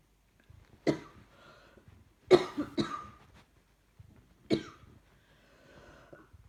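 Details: Persistent cough from an adult watching TV: four bursts of sharp repeated coughs in about six seconds, with faint soft thumping behind from a puppy wagging its tail on the sofa.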